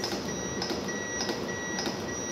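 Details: Simulated basic life support (BLS/CPR) staff training with an AED: steady high-pitched beeps about twice a second over room noise, the AED metronome pacing chest compressions.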